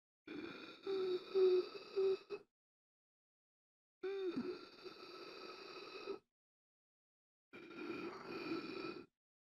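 Three drawn-out, strained breaths with a raspy, whistling edge and silent pauses between them: gasping for air, from a sound-effect recording.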